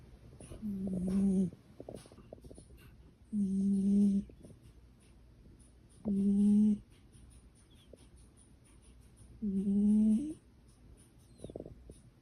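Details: Sleeping, tired cat snoring so loudly it sounded like the father arriving: slow, regular snores, about four in twelve seconds, each a low rattling buzz on the in-breath.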